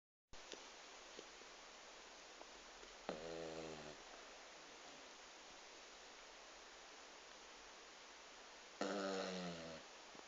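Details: Yorkie dog asleep, snoring: two short, buzzing, nasal sounds as it breathes, against steady hiss.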